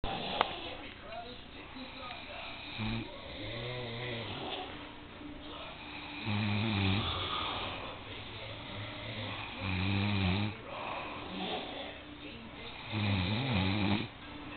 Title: Misguided Steps Snoring Battle